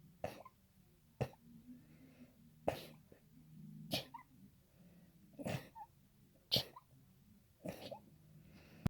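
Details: Allergy sneezes: about seven sharp, explosive sneezes in quick succession over nine seconds, repeated sneezing.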